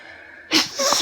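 A sudden loud sneeze over quiet indoor background noise, from hay fever.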